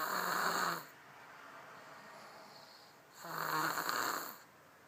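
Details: Loud, buzzy, low-pitched snores on breathing in, about three seconds apart, with quiet breathing between; snoring.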